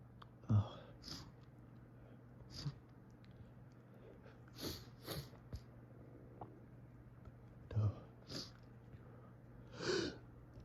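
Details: Morning sneezing fit in bed from fall allergies with itchy, snuffly nose and a window fan on: several sharp, forceful sneezes muffled in tissue, steady hum behind; allergic rhinitis.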